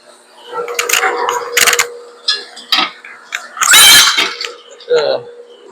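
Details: A sick pig gives about five short, harsh coughing bursts over a steady mechanical hum; the pig is then treated with an injection in the neck.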